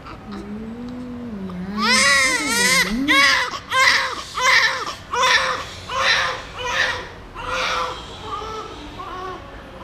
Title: ASMR Newborn crying